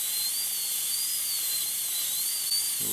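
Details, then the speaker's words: Full zirconia crown preparation, tooth number three (upper molar), rounded shoulder: steady, slightly wavering high-speed dental handpiece whine connecting guide cuts for occlusal reduction. "now we'll do our functional cusp bevel and we want to pay particular attention to maintain the direction of that lingual cusp that it goes from distal to medial"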